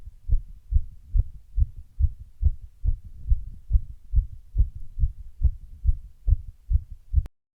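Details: Heart sounds after running: fast, mostly regular heartbeat at about 140 beats a minute; an intermittent arrhythmia appears during the recording, though not clearly evident in this stretch.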